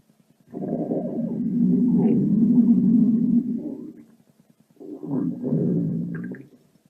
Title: minimal stomach growl 9